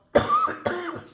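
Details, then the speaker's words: Adult cook coughing while introducing ingredients for curry chicken and potato; cough. "So here are the goodies for tonight's curry chicken and potato. As you can hear me coughing."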